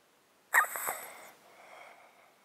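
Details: Cat sleeping in a box, recorded with a close-up mic, with a 13-year underlying disease causing constant snotty sounds and sneezing; short wet snuffly snort and hissing nasal breath, congested nasal stertor.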